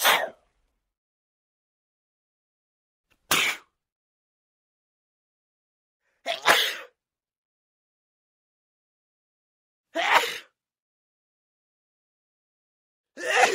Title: Sneezing sound effect | Enjoy!